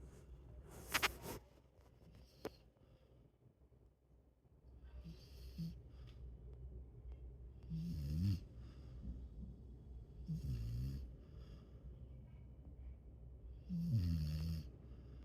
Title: Doggy snores